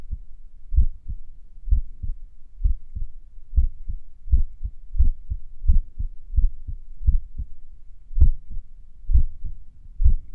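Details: Clear paired heart sounds at about 75 a minute with slightly uneven gaps and pauses, recorded a few minutes after morning exercises: sinus arrhythmia during recovery.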